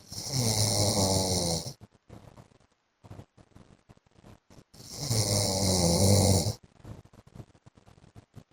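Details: Adult man (husband) asleep: two loud, fluttering snores on inhalation, each about two seconds, with quiet breathing between; snoring.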